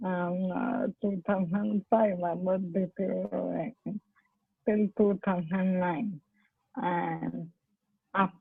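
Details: Woman, a doctor with ALS (motor neurone disease), speaking with dysarthric speech; dysarthria (ALS).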